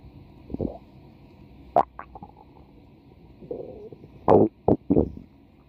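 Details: A female subject's stomach growling (borborygmi) from a 4-minute recording: short gurgles and squeaky rumbles from the belly in irregular bursts.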